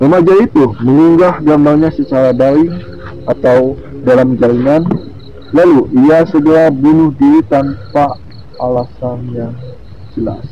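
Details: Male Indonesian narrator who describes himself as 'cadel', a speech impediment with difficulty pronouncing the R sound; rhotacism.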